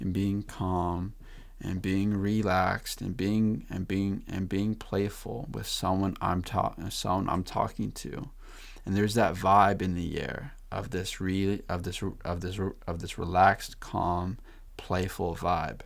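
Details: Male podcast host who stutters; repeated words and phrases; stuttering.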